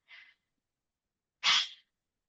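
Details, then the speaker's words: Huff cough demonstration in the Active Cycle of Breathing Technique, seated upright with feet flat: a soft inhale through the nose, then a short forceful open-throat exhale like fogging a window, for airway and mucus clearance. "We're going to inhale through the nose and then keep the vocal cords open. like you're fogging a window."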